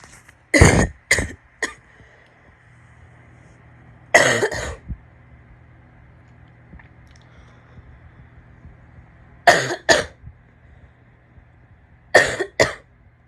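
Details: Four bouts of loud, harsh, barking coughs with a wet, rattly quality, separated by quiet pauses; wet barking cough.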